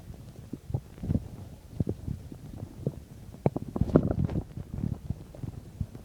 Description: So in this vid I'm digesting a bean and cheese burrito :3 I believe this is 10-15 minutes after I ate..anyways I would love to hear your guys opinions :3